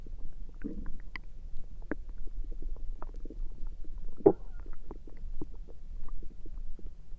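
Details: Stomach noises recorded through the night: frequent low gurgles, clicks and brief squeaks from the abdomen; ordinary active bowel sounds (borborygmi).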